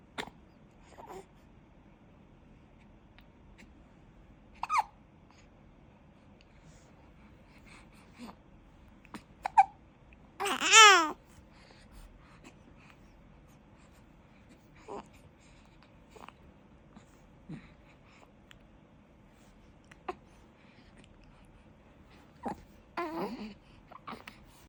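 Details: Hiccups in a one-month-old newborn: soft, abrupt hiccup clicks roughly every two to three seconds, with one brief squeal.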